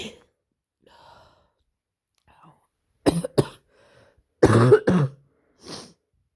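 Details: An adult with a bad head cold (scratchy throat, headache, often sick since starting work at a kindergarten) sneezes: two harsh, explosive bursts in quick pairs, each with a catch in the middle, then a softer breath.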